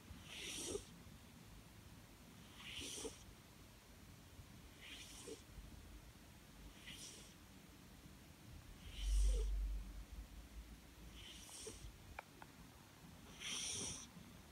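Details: Cat living in Germany snoring while asleep: steady rhythmic soft snorting breaths, about 27 a minute.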